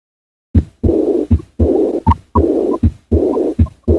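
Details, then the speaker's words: Regular heartbeat near 79 a minute, breath held in expiration, with a long blowing early diastolic murmur best heard at the left sternal edge: aortic regurgitation with no associated mitral stenosis. "it is a early diastolic murmur which is best heard at the left sternal edge"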